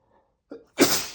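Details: One sneeze from a compilation of 100+ sneezes by a man, all recorded on the same day: a short in-breath followed by one sharp, explosive sneeze.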